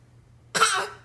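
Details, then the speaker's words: A young child, asked how daddy coughs, gives a single short, breathy, playful imitation of an adult's cough after a brief quiet. "How daddy coughing? How daddy cough? 哦，这样咳嗽。"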